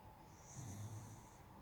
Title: my Beagle snoring at 11:45 AM